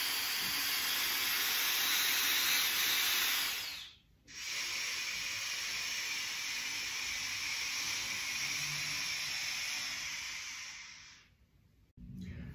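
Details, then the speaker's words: Slow 4-8 diaphragmatic breathing through an inspiratory muscle trainer: loud airy hiss drawn in for about four seconds, a pause, then a long hiss out of about seven to eight seconds. "so the 4-8 method would look something like this so inhale for a count of four seconds exhale for a count of eight"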